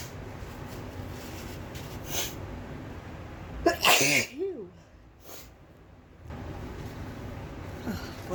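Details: A single loud, explosive sneeze with a brief vocal after-sound over steady room noise; deliberately induced sneezing, which the person says has become unusually easy to trigger.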